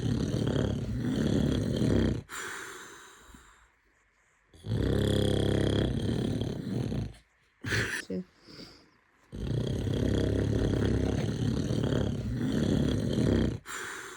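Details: Adult man (a baby's father) snoring heavily: loud, deep, rattling snores with irregular pauses and snorts, with brief sounds from his infant in between.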